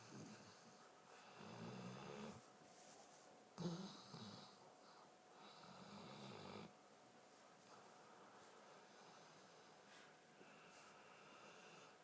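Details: Snoring during sleep: repeated low, rattling snores rising and fading with the breaths, separated by quieter stretches.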